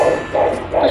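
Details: Home Kimo fetal Doppler on the mother's own belly: rapid whooshing pulses of the fetal heartbeat, displayed as about 150 beats a minute and judged normal; fetal heartbeat on Doppler.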